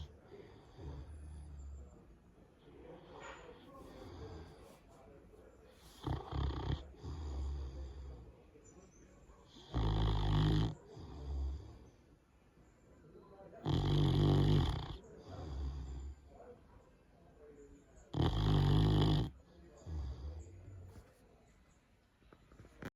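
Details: Loud, deep rumbling snores at irregular intervals with softer snuffling breaths between them, from someone sleeping on top of the person recording; ordinary snoring.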